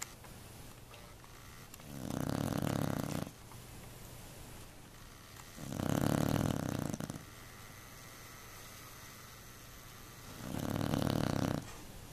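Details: Beagle snoring so loudly the couch vibrates, driving another pet off: three loud, rasping, buzzing snores about every four seconds, roughly 15 breaths a minute.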